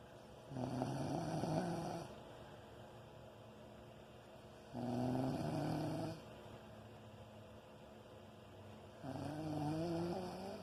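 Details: Three loud, rumbling snores about four seconds apart, roughly 14 breaths a minute, with quiet between them, keeping someone awake; heavy snoring.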